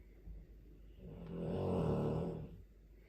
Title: Dogue de Bordeaux - Black belt in karate or blue socks in snoring 💤 🥋🤠😂🔊📢?